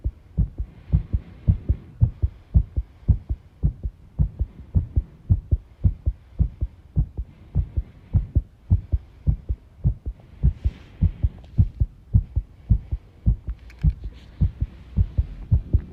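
Steady low thumping heartbeats with somewhat uneven spacing and faint room rattling behind them, consistent with an irregular heart rhythm.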